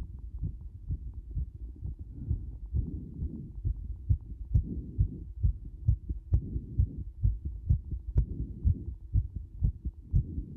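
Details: A heartbeat becoming extremely fast: rapid, regular low thumps at roughly 130 beats a minute (tachycardia).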